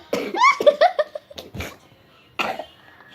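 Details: A child coughs while showing squishy toys: a burst of laugh-like voiced sounds, then two short, sharp coughs.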